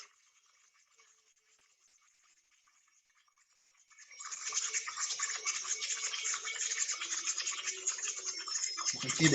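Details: High-speed air-turbine dental handpiece running on a practice kit in a demonstration of aerosol splashes, compared with a red-ring electric micromotor handpiece: after a quiet start, a loud hissing high-pitched whir continues, with faint music behind.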